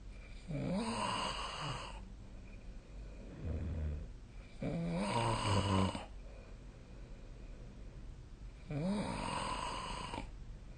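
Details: Habitual snoring during sleep recorded with snore-tracking app: loud rattling snores on each in-breath, about 15 breaths a minute, quieter out-breaths between.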